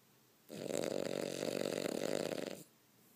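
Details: A single two-second fluttering, rattling snore in a quiet room: snoring.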